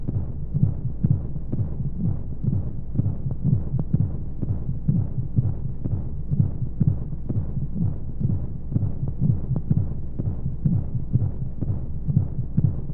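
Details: Womb sound for baby sleep: steady, muffled, low, thumping heartbeat at roughly 60 beats a minute in paired pulses over a constant rushing whoosh of white noise and flowing sounds. Heartbeat.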